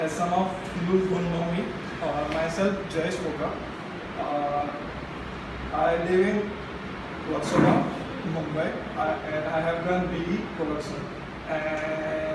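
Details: Adult man from Mumbai who stammers with blocks, sound repetitions, blinking and freezing, speaking at a stammering self-help group; stuttering.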